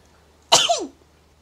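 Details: Single sneeze from a VTuber during a Ring Fit Adventure exercise livestream: one sharp, explosive burst with a brief voiced tail falling in pitch. Sneeze.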